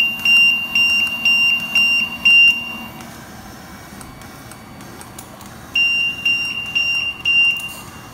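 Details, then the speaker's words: Transport ventilator occlusion test, tidal volume 575 mL, high-pressure limit 40 cmH2O, green bag as lung, circuit occluded by thumb: repeated high-pitched alarm beeps about two a second; high-pressure alarm, set volume not delivered. "I'm going to disconnect and simply olude the circuit with my thumb and you'll note that immediately the high pressure alarm goes off and the volume is not delivered"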